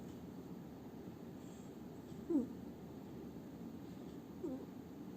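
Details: Against a steady low background hiss, a sleeping cat gives two soft, brief whistling snores about two seconds apart: cat snoring.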